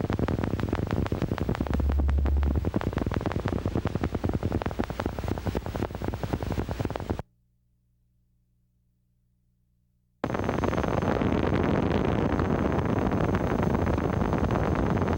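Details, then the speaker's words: Rapid crackling clicks like raindrops on a tin roof from needle EMG: fibrillation potentials of denervated muscle. Many fibrillations firing together sound irregular. "Another important point to remember is that though each single fibrillation fires at a regular rate, many fibrillations firing at the same time sound like irregular firing because their firing rates are different. Watch and listen to fibrillations."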